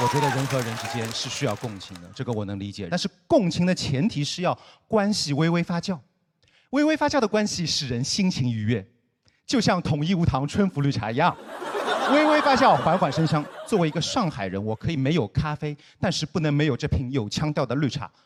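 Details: Adult male speaker; normal speech.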